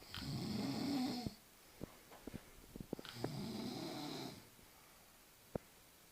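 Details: Two long, rough snoring breaths from a woman a few seconds apart, soft clicks and quiet between them in a small room, likened to a volcanic eruption; snoring.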